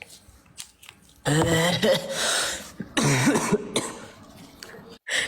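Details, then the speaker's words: A child (a boy) gives two deep, hoarse, put-on coughs imitating an old person's cough, with voices and laughter in a small room; a deliberate mock cough. "Kenapa batuk macam orang tua?"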